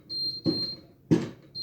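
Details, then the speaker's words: High, steady electronic alarm tone with two brief thuds in a small room, an adult's Libre glucose monitor alarm prompting a blood sugar check: glucose monitor alarm. "that's my libra alarm telling me you need check your sugar"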